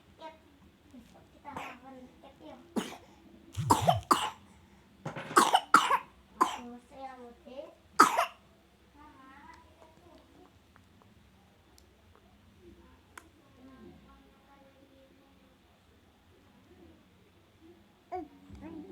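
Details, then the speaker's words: Child coughing with a cold and runny nose: a series of short coughing bursts, about eight in the first half, then quiet breathing and faint talk. "Kasihan cantikku, ya Allah, Meler. Cantikku lagi batuk, ya Allah."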